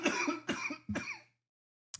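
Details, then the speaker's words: An adult with the flu deliberately coughs away from the microphone: three harsh, wet-sounding coughs in quick succession, typical of a chesty cough. "In fact, I'll go ahead and cough now away from the microphone so you can hear what you're missing."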